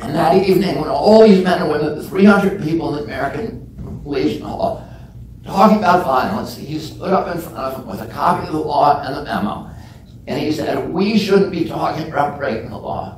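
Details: Adult man with spasmodic dysphonia (self-described as spasmodic dystonia), onset at age 42 after a previously strong voice; he says the voice tremble lessens or goes away after speaking a while and is not painful.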